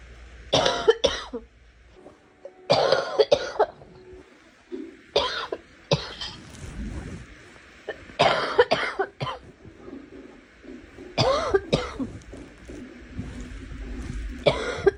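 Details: Girl coughing in about six separate bursts, mostly single or paired coughs with quiet gaps between; cough.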